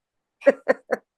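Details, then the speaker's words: A cat described as very sneezy and boogery, in a sneezing fit of about 20 sneezes in a row; three quick, sharp sneezes heard here. "that's like 20 sneezes in a row."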